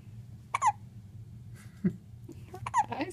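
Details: Little girl with hiccups: short, sudden catching sounds about a second apart over a low room hum.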